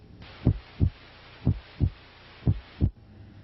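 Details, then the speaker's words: Normal heart sounds at the apex: regular lub-dub at about 60 beats a minute, S1 louder than S2. "As you move down to the Apex over the right ventricular and then left ventricular areas S1 sounds become louder than S2 sounds"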